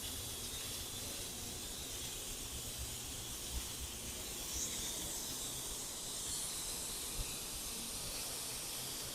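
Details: Ayurvedic panchakarma steam (swedana) therapy steamer used for back, waist and neck pain: continuous soft hiss of escaping steam with no voices, treatment in progress.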